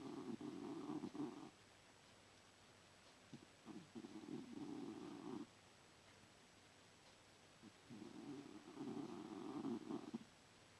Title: Snoring and dreaming